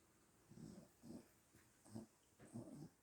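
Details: Adult woman (a mother) snoring again: repeated short, rough, fluttering breath noises, about one every half second, in a quiet room.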